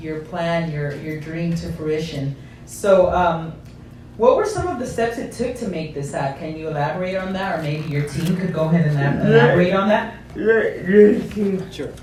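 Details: Adult speaker (interviewer); normal speech.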